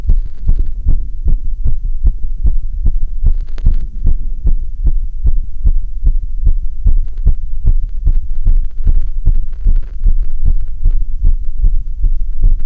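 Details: Heart auscultation of severe sinus tachycardia after a bit of time on a rowing ergometer.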